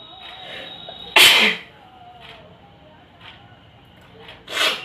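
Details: Two loud, sudden sneezes during a sneezing challenge, with hissing bursts separated by quiet room sound.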